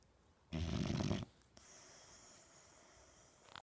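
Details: A boxer dog asleep: one loud, deep, fluttering snore lasting under a second, then quiet breathing; snoring.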